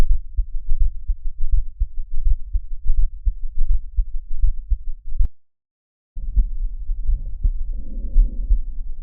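Two stethoscope recordings of regular heartbeats, about 83 a minute, the second with added rushing sound between beats: a heart murmur.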